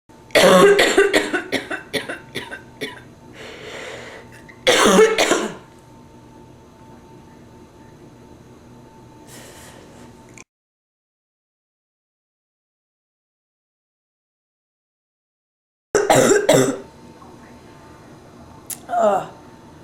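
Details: Adult with bronchitis, stuffy nose, sore throat, feeling feverish and cold: harsh, repeated bouts of chest coughing.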